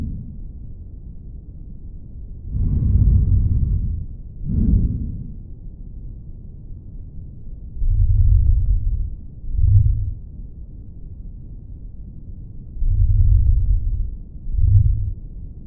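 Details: Muffled lung sound on lung auscultation: faint, low breath sounds at about 12 breaths a minute, diminished breath sounds.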